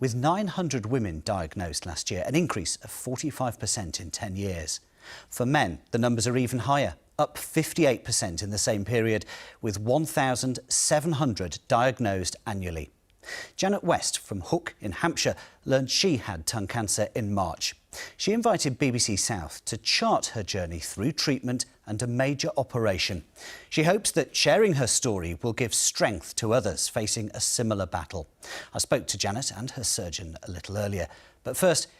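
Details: Adult male presenter; typical speech.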